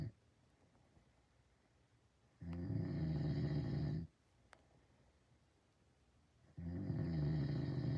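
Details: Loud, low, rattling snores about every four seconds, each over a second long, with quiet pauses between; a sleeping man who denies that he snores.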